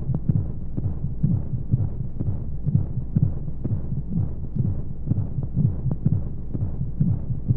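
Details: Womb-sound sleep aid for babies: steady muffled whooshing heartbeat, about 125 beats a minute, over a constant low rushing flow-like white noise, a heartbeat as heard inside the womb.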